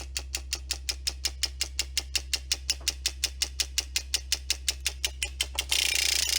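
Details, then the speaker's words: Derminator 2 microneedling pen, used at home for facial acne scars, running at its medium of three speeds with a needle depth set: fast, even clicking of about five to six a second over a steady low hum. "and fast. And fast is obviously quite fast."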